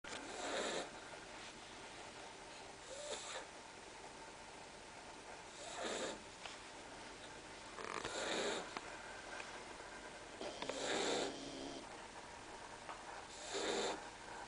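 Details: Loud snoring: soft, rough snores about every two to three seconds, roughly 23 a minute, over steady background hiss.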